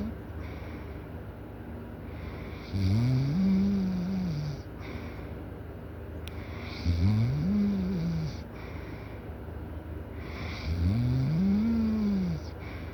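Loud, low rising-and-falling snores on three breaths, about 15 a minute, over a steady background hum; heavy snoring.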